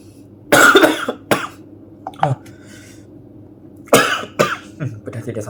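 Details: Several short, harsh coughs and throat clearing in two bursts, with brief vocal sounds between, from a person eating spicy instant cup noodles during a mukbang; an irritant cough from spicy food.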